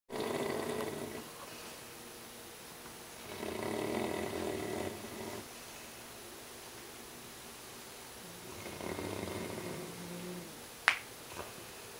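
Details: Slow, rough, rattling breaths repeating every few seconds, with a brief click near the end; loud snoring during sleep.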